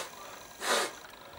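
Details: Animated cartoon sneeze from an interactive Pinocchio book, the Fire-eater character's big sneeze: a single short, breathy nasal burst of air, snort-like, over faint background hiss.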